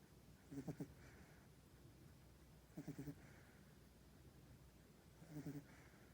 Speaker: So all is quiet in the puppy pool this morning with these beautiful 3-week-old lab puppies, 7 boys, except for this little guy. Can you hear him snoring? Oh, there he goes again.